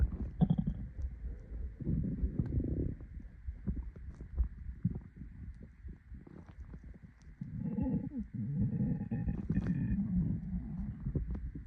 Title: My hungry stomach growling